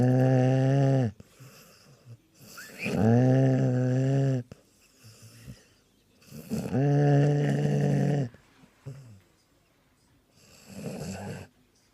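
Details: Sprollie dog napping after a day of eating on Christmas Day, snoring very loudly: low rattling snores with quieter breaths between, roughly 17 a minute.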